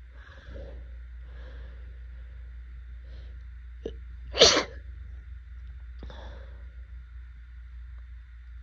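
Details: An adult with allergic rhinitis during pollen season, with swollen eyes and a burning throat: sniffling breaths, then one forceful, wet, itchy sneeze over a steady hum. Later took Benadryl.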